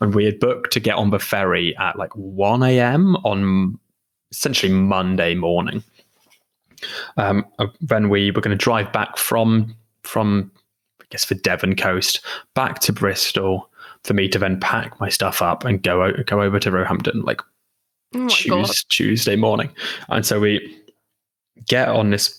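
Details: Adult who stammers; stammering.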